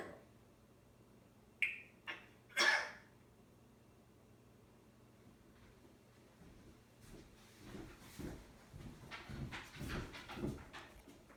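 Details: African Grey parrot imitating a human cough: three short, harsh cough-like bursts, then soft chatter.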